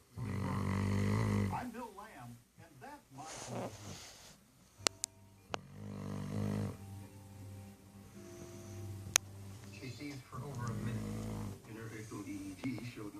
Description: sleeping and snoring